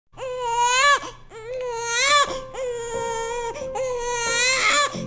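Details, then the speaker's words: Young infant crying: loud, high-pitched rhythmic wails in long bursts with brief breaths between, in the normal PURPLE peak-crying period. "crying started like day one after a couple weeks he started crying during the day and at night pretty much all day long it was continuous it just seemed to get louder"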